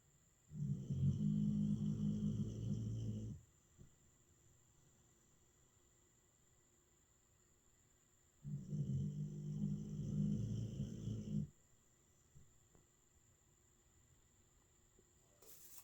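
Two long, deep, rattling snores several seconds apart in a quiet room; ordinary snoring in a sleeping dog.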